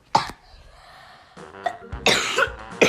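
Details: Child sick with a very high fever, caught at school, coughing: several short harsh cough bursts with faint game music in the background.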